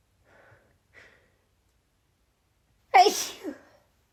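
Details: Female: two faint catching breaths, then one full, forceful sneeze with a short trailing exhale, during a relentless sneezing fit after stifles; sneezing.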